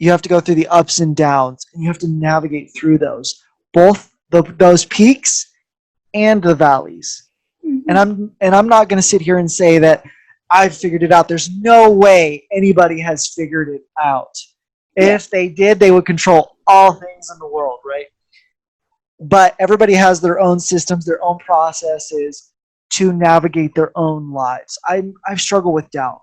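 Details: Adult male speaker; normal speech.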